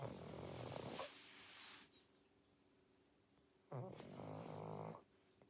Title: | SLEEPING WITH A PUG | Pangpang the Pug 2021 pug sounds, snoring and snorts |